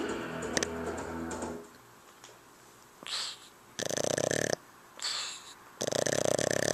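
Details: Music fades, then hissing breaths alternate with rough, rattling snores over quiet pauses; snoring during sleep.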